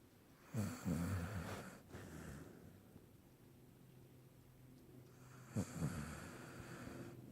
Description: Dog snoring in bed while sleeping